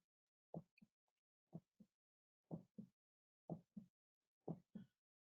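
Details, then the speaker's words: Normal heart sound example played as a reference before an aortic stenosis murmur: regular paired lub-dub sounds at about 60 beats a minute with quiet gaps; normal heart sounds. "we've got some examples of of what our explosive should sound like this is a normal heart sound"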